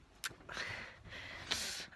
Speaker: oh my god my dog just sneezed my face get away from me just discussing and so many ways you just full-on sneezed in my face